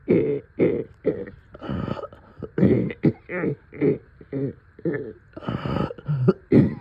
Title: Middle of night coughing and deep chest congestion